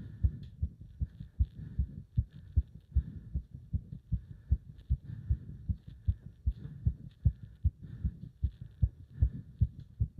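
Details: Fast, strong, regular heartbeat at roughly 150 a minute during leg-wrench exercise, with pounding felt up to the subclavian artery; rapid forceful heartbeat during exertion.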